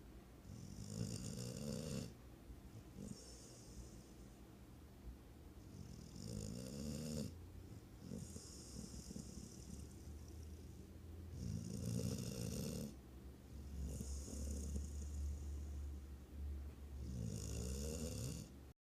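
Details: Dog snoring while asleep: regular rumbling snores alternating with hissing, whistly nasal breaths, about thirteen breaths a minute.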